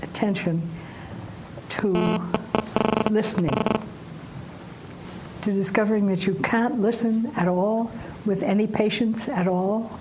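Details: Woman aged 89, some time after a stroke causing aphasia, still recovering, says syntax still breaks down; aphasia (post-stroke, recovering).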